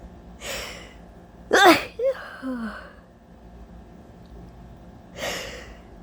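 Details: Allergy sneezing fit on a very hot day: a sharp, explosive sneeze between softer breaths and short voiced sounds; sneezing.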